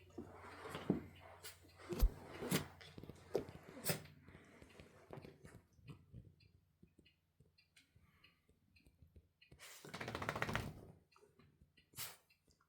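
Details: Several short, sharp nasal sneezes from a female Bichon Frise dog, then a louder snorting burst, in a quiet room before she rolls around demanding attention; sneezing.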